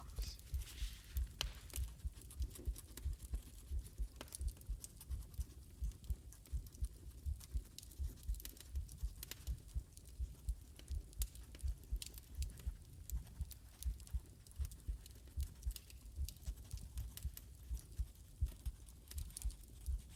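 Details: Soft, steady low thumps of a resting heartbeat at about 80 beats a minute, in an ASMR recording with poetry reading; normal heartbeat.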